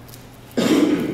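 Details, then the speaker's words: Single short cough-like throat clear after a brief pause, a simple vocal tic of Tourette syndrome; simple tics include whistling, coughing and making noises. "simple ticks are things like whistling coughing making noises things that aren't really that aren't really that much of a problem but are just uncomfortable and can make other people feel uncomfortable"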